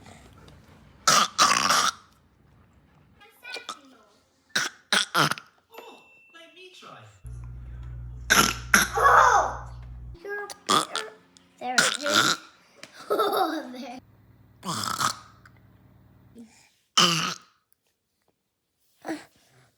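A rapid run of short, gurgly burp-like bursts over a low music bed.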